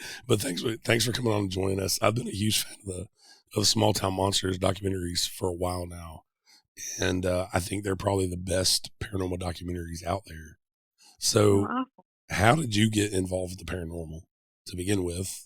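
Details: Adult man speaking; ordinary speech.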